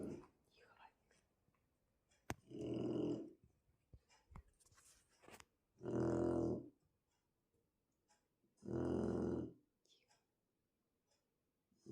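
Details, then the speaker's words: Shar Pei dog snoring loudly in a living room, keeping the owner awake all night: loud, rough, deep rumbling snores about 20 a minute with quiet pauses between. "Вы слышите, как он храпит? Рэй храпит, как взрослый мужчина."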